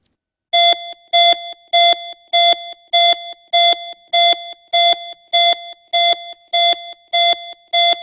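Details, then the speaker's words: Talking CPR training card stuck to the centre of the chest: regular electronic metronome beeps at about 100 per minute pacing chest compressions to one third of chest depth. "place your hands together on top of the card on the patient's chest push on the chest one third of the chest depth by following the beats"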